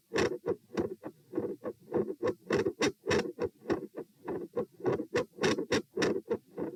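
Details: Heart sounds recorded at position P while sitting, standing, then sitting, with the rate at 96, 108, then 96 bpm: phasic changes in S1 and S2 intensity with a split S2.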